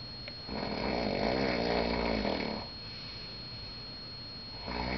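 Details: A person snoring in Vegas after the curtains were opened: long, rough, vibrating snores on the in-breath lasting about two seconds, with a steady background hum.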